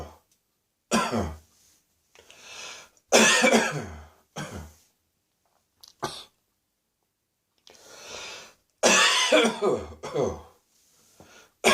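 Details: Dry cough with gagging first thing in the morning after bronchitis: repeated harsh, dry coughing in bursts, with throat clearing and gagging between fits.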